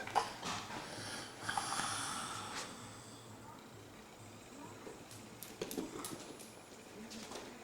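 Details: Snoring during an afternoon nap: soft, irregular snorting snores, partly masked by room noise.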